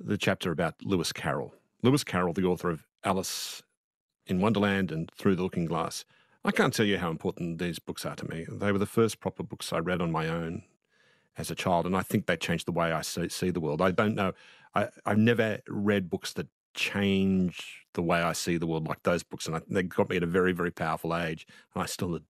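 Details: Adult male speaker; ordinary speech.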